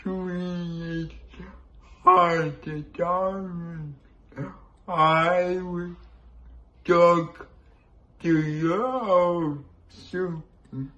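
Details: Man with cerebral palsy, a disability and compromised immunity; dysarthria (cerebral palsy).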